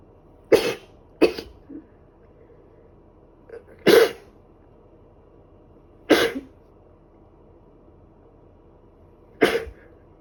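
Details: Person with a cold, itchy nose and ongoing cough sneezing: five short, sharp explosive bursts spaced over about ten seconds.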